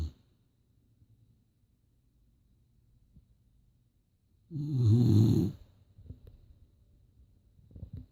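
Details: Single loud, low, rattling snore of about one second in a quiet room, with faint breathing before and after, from a sleeping Boxer dog: snoring.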